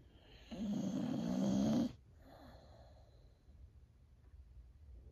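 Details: Old female Boxer dog, feeling a little down, snoring while asleep: one long, low rattling snore on the in-breath, followed by a soft exhale, in a quiet room.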